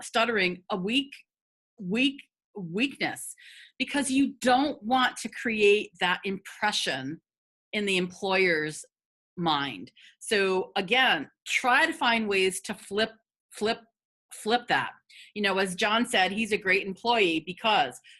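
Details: Adult woman who has stuttered for 50 years; stuttering.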